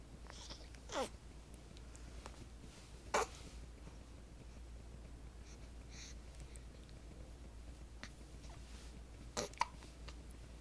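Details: Nine-day-old baby girl with hiccups: three soft, abrupt hiccups spaced a few seconds apart over a steady low room hum.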